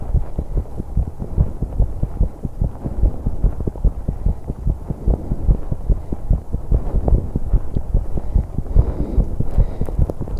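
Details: 21-year-old female on an exercise bike, recorded to capture breathing too: fast steady heartbeat about 146 per minute with heavy breathing noise; rapid heartbeat during exercise.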